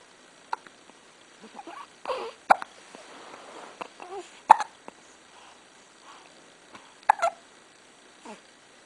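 Sharp, abrupt hiccups recurring every couple of seconds, with soft breathing and faint sounds in between in a quiet room.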